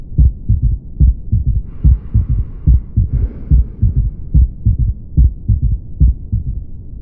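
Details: Third heart sound (S3, ventricular gallop) in a cardiology auscultation demonstration: regular low heartbeat near 72 a minute with a soft extra thud just after the second sound.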